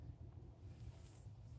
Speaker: Sorry, that's my stomach. [laughter] I don't know if you can hear that. [snorts] My stomach is still going through the changes.